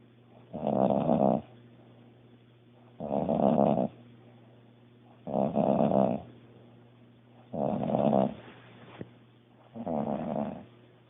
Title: Sister-in-law snoring like a Grizzly Bear Part 3